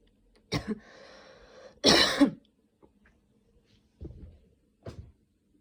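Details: Person still sick with a cold and cough, recent fever, using an inhaler: several harsh coughs and throat-clearing bursts at uneven spacing, the loudest in the middle.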